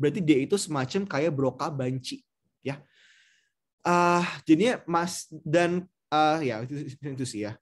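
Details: Patient who understands and speaks fluently but makes phonemic paraphasic errors, cannot repeat, and tries to self-correct; conduction aphasia.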